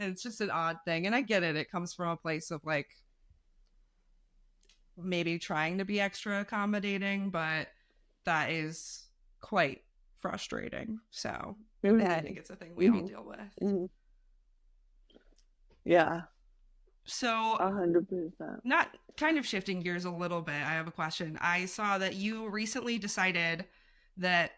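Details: Adult speakers in conversation; typical speech.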